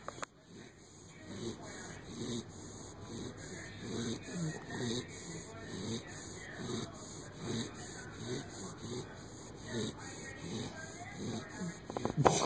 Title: Snoring Springer Puppy 12 weeks